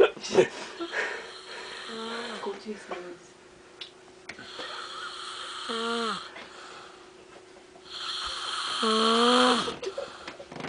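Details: Snoring, with farting also in the recording: repeated raspy, whistling snores with rising and falling pitch against a steady background hum.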